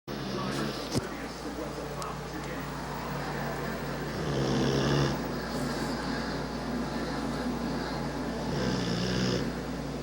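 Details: Bullmastiff puppy asleep, giving two low, fluttering snores about four seconds apart over a steady background hum: snoring.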